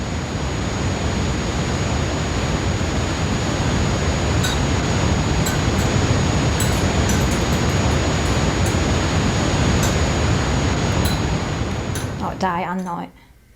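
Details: Simulation of tinnitus: loud, steady static hiss with a thin, continuous high-pitched ringing tone, then a sudden drop near the end.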